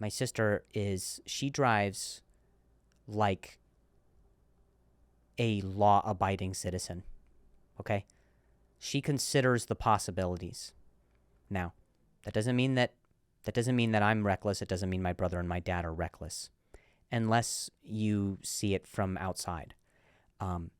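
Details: Adult male comedian and podcast host who stutters, in real speech with repeated words: stuttering.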